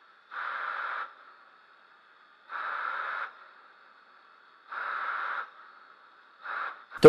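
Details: Homemade DIY ventilator built from a quadcopter motor, Arduino and MAP pressure sensor, with forced-ventilation and PEEP breath-assist modes; motor whine surging under a second about every two seconds (~28 cycles/min), then low idle hum.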